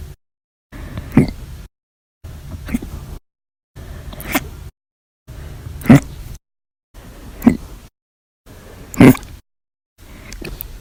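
Seven short abrupt vocal jolts at about 19 a minute, each a sharp gulping catch with silence between, typical of repeated hiccups.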